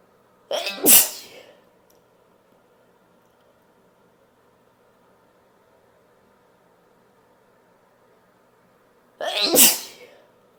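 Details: Female: two forceful sneezes about eight seconds apart, each with a sharp indrawn breath and an explosive release; ordinary sneezing.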